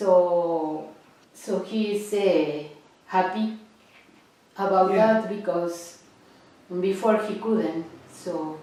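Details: Adult woman speaking; no speech disorder.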